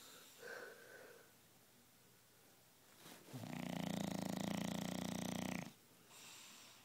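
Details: Stella, a bulldog, snoring in the morning with tongue hanging out: a single loud, buzzing snore on an in-breath lasting about two seconds, with quiet breathing around it.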